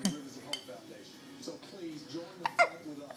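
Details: 2-month-old baby boy in a bouncer with hiccups: two short, sharp hiccup sounds with quiet baby noises around them.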